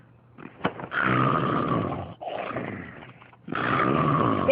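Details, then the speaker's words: Loud, rough, drawn-out snoring breaths from a cartoon soundtrack, simulated; snoring. "Hey, wake up. Come on, you're snoring."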